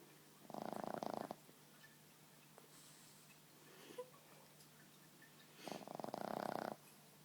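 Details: Boston Terrier asleep on a person's lap: two rattling, buzzing breaths about five seconds apart, with quiet between them; snoring.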